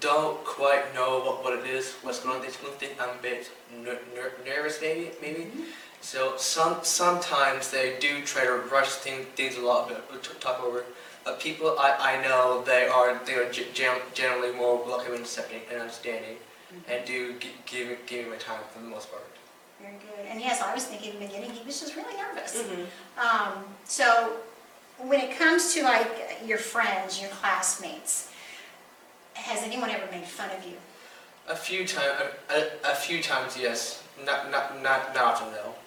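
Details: 15-year-old boy with Tourette syndrome diagnosed around age 8–9; his tics include stuttering when talking, coughing and mouth noises; speech tics with word and part-word repetitions.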